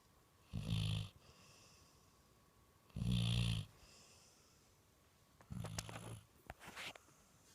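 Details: Dog out cold and sleeping very deeply, snoring like a person: three loud, low rumbling snores, each about half a second to a second long, roughly 25 a minute, with faint room noise between.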